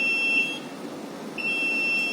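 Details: Two high-pitched electronic beeps over steady room noise. It is an alert tone from a Level 1 Fast Flow rapid infuser, used in OT and ICU, as infusion begins.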